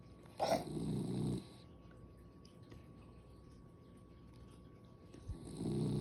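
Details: Snoring in a dog: two short, rough snorting snores several seconds apart over steady room noise.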